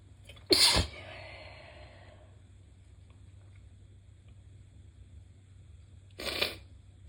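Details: Two forceful, wet sneezes several seconds apart in a quiet room, naturally high-pitched and a little squeaky from a very stuffy head cold: sneezing.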